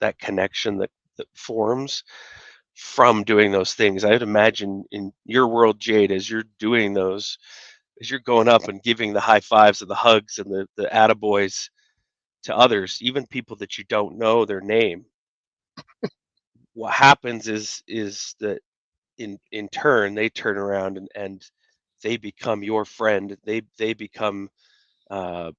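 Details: Adult male speaker; normal conversational speech.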